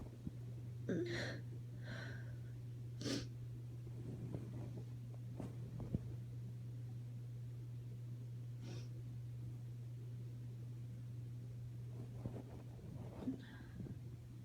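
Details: Female with allergies at night, unable to sleep, stifling sneezes to avoid waking someone: several muffled, held-back sneezes with sharp nasal snorts and quick breaths over a steady low hum.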